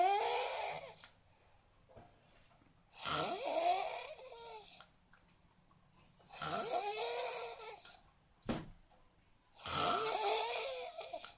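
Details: Unusually noisy snoring: loud, rattling, whistling snores on each breath, about 18 a minute, with quiet gaps between them.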